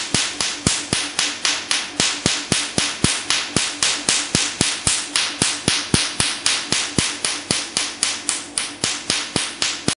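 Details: Rapid, very regular, sharp snapping pulses, about four per second, over a faint hum: a Q-switched Nd:YAG laser firing during a "black doll" skin treatment, with the patient saying it hurts but is bearable.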